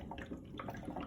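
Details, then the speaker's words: Continuous soft bubbling of water during bubble CPAP setup, in a leak test with the test-flow elbow joining the inspiratory and expiratory limbs into a closed system; steady bubbling shows no leak or disconnection. "So this is your inspiratory and expiratory limb, and you can already see that there are no leaks and it is bubbling."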